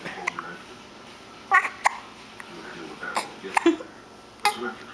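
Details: 2-month-old baby girl with hiccups she dislikes: brief, sharp, irregular catches of breath with soft fussing between them; infant hiccups.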